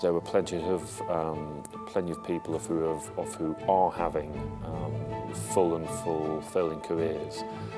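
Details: Stammering in a male serviceman interviewed about pursuing a military career with a stammer; interview pauses were left unedited.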